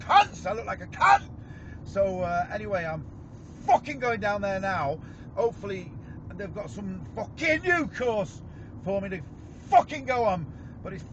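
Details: Severe Tourette syndrome in a UK man, with vocal tics including involuntary swearing (coprolalia) and repeated tic words.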